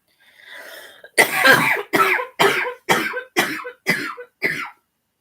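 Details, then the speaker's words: Person with asthma: a drawn-in breath, then seven harsh, rapid coughs in quick succession, a coughing fit from asthma. "I just have asthma so once in a while I just go into a coughing fit uh but I am fine"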